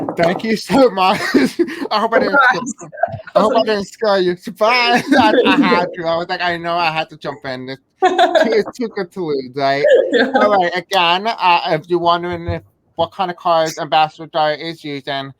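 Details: Deaf speaker who reports a deaf accent and difficulty pronouncing certain words; deaf speech.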